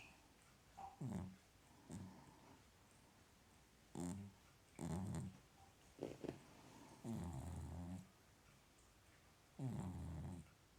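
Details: Loud, irregular rumbling snores from a small dog, about six bursts in eleven seconds, with a quiet room between: dog snoring.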